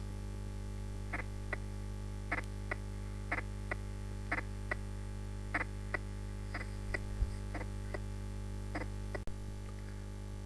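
Regular heart sounds near 58 a minute with a widely split, doubled first sound, a pathological finding.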